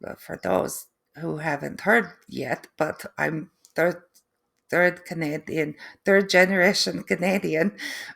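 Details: Adult woman, third-generation Canadian, with post-stroke aphasia and apraxia of speech; foreign accent syndrome began three months after the stroke, which she feels sounds East European; foreign accent syndrome with apraxia of speech.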